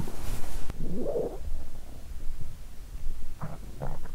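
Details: Abdomen: low gurgling rumbles over soft background hiss, loudest in the pit of the stomach, then pain: borborygmi.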